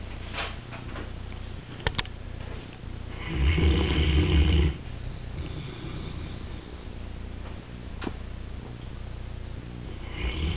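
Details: Short-haired Newfoundland dog snoring while resting in the afternoon: one low, rumbling snore mid-clip against quiet breathing and a few small room knocks.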